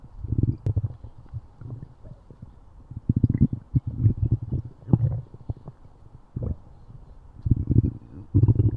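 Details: Repeated low, grumbling rumbles with gurgling pulses; a person's stomach growling.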